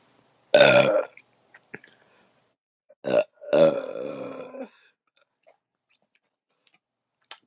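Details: Beer burps after a six-pack shared with a girlfriend, casual home recording: belching (eructation).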